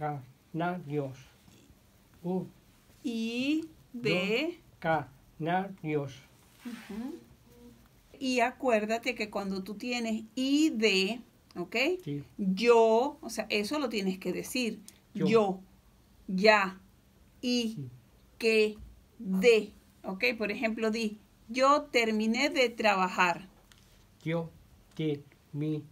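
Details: Adult speakers in conversation, Spanish; speech.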